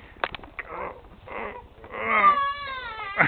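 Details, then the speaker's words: Infant in a car seat: short fussy whimpers and gurgling that build into a sustained, tonal cry. "that's not cooing that's crying"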